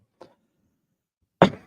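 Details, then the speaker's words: An adult man with a sore throat coughs while reading aloud: a faint throat sound, then one loud, sharp cough in a quiet room. "Sorry about coughing. I usually don't do that. Let me drink something. Maybe it will ease my sore throat."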